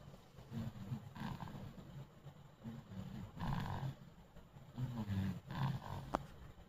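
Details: Baby boy snoring: low rumbling snores in repeated bursts with each breath, over a steady background hiss.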